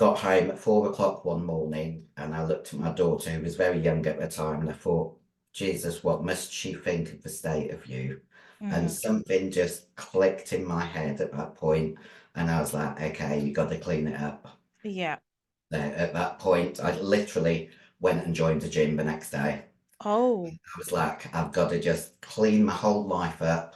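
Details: Adult female bodybuilder who took large doses of male steroids (performance-enhancing drugs); voice, formerly very high-pitched, became very deep and she can no longer sing: androgen-induced voice deepening (virilization).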